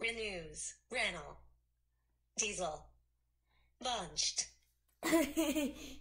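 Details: 12-year-old boy diagnosed with severe nonverbal autism at age 3, later with severe apraxia of speech; also communicates via AAC app (Proloquo2go); childhood apraxia of speech.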